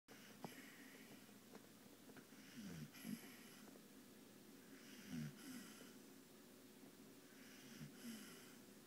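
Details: Bull Terrier dog sleeping after a long day, snoring in slow rhythmic cycles, each breath a low rattling snort and airy hiss; snoring.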